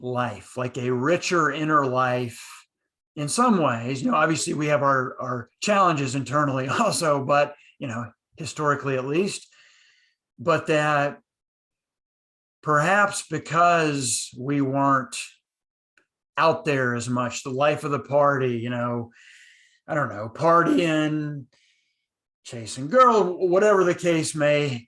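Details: Adult man who stutters, speaking in a conversation between two people who stutter; he recalls hiding his stutter with silent blocks in his school years; stuttering.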